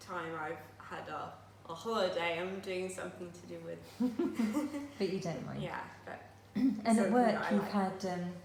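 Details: Woman who had a stroke at age 18, 10 years ago, living with post-stroke aphasia since; she still finds speech and reading difficult and says her speech is not perfect.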